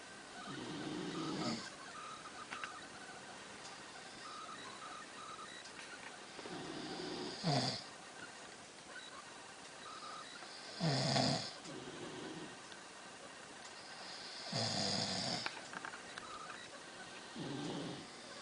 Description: man and dog snoring